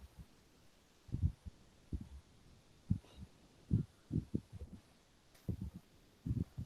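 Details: Normal heart sounds played in a cardiology teaching seminar: paired low lub-dub thumps at a steady rate over faint hiss, with no added sounds.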